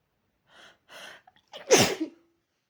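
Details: Two quick in-breaths, then one loud, forceful sneeze from a person with a cold and sore throat: sneeze.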